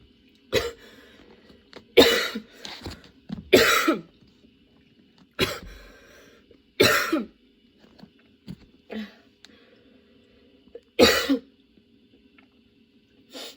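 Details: Sudden-onset prolonged coughing fit, nonstop harsh forceful coughs in close succession with throat clearing and strained breaths, worsening, bringing tears; patient changing positions for comfort; lungs having a tough time.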